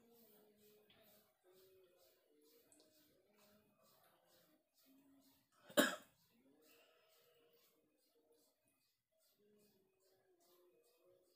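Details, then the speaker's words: Adult man with masuk angin, feeling feverish and unwell in rainy weather, coughing at dawn during kerokan scraping by his wife: a single sharp cough through quiet background talk and music. "Nah, Menangis tuh batuk-batuk."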